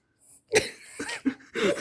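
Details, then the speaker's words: Dog named Foxy gives a rapid run of about four harsh, forceful coughs, like a choking or gagging bout; owner asks whether she can breathe, later seems fine. "oh wow oh you can really choke it went like"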